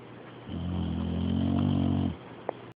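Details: Dog snoring: one long, low, buzzing rumble lasting about a second and a half; snoring.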